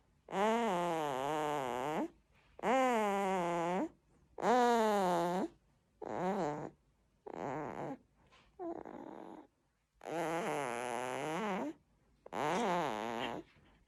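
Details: Newborn baby's unusual snoring: long, rhythmic voiced grunting-snoring sounds, about seven in fourteen seconds, each lasting over a second, with a strained nasal tone.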